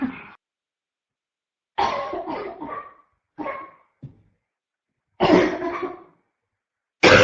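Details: Constant barking cough in a female: repeated harsh, hoarse cough bursts in clusters, about five episodes in seven seconds.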